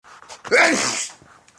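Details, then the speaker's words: Adult man with doctor-diagnosed allergies to dust, pollen and trees, sneezing 5-50 times daily since 2011: a quick inward breath, then one loud, explosive hissing sneeze lasting about half a second; a single sneeze. "That's your daily sneeze. There's another. Whew."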